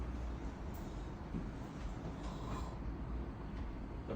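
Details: A young, fit adult male with tonsils removed and prior nasal surgery snores and has witnessed sleep apneas. During a flexible endoscopy at the nasopharynx, he imitates a snore on request, giving a low, steady rattling rumble.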